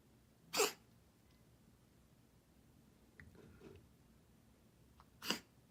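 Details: Cat with an unusual cough recorded for the vet: two sharp, explosive bursts several seconds apart. The owner first read it was a hairball sound but later noted a bronchial problem.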